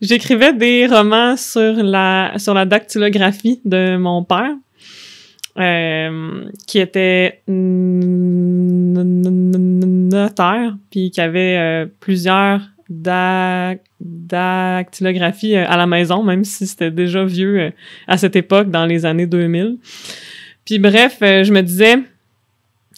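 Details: Stuttering in an adult French-speaking woman who stutters and is a speech-language pathology master's candidate; real.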